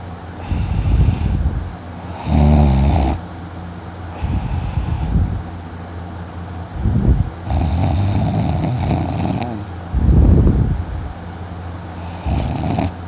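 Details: Person sleeping in the morning, snoring loudly, later waking with a sore throat: loud, rough low snores recurring every few seconds with breaths between; heavy snoring.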